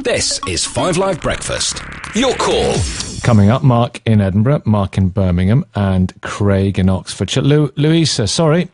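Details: Adult male radio presenter; Normal fluent speech.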